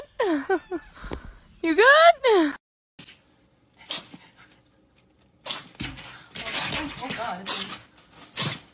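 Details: Cat meows, then gives short sharp explosive bursts while a person talks and laughs in the background; cat sneeze.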